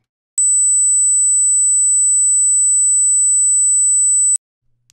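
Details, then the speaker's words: An 8 kHz sine-wave hearing test tone at −12 dB amplitude, generated in Adobe Audition: a steady, very high-pitched pure tone of about four seconds, the first step of an informal high-frequency hearing test. "let's start at 8k and see whether anyone can hear that so this is 8k i'm going to turn the mic off for each of these so that all you get is the audio let's play it now"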